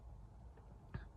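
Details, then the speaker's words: Quiet, low abdominal rumbling with one brief gurgling burst near the end, in an adult recovering after hospital discharge on antibiotics with sleeplessness; bowel sounds (borborygmi). "You can hear my tummy now going boo, boo. Sounds like a pigeon."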